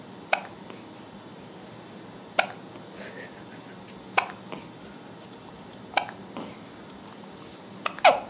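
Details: Five to six sharp, abrupt hiccups about every two seconds, roughly 33 a minute, in a quiet room; hiccups.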